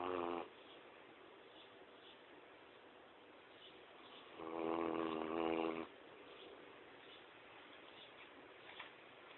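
Deep, buzzing snores with long quiet pauses between breaths; ordinary snoring in a sleeping large dog.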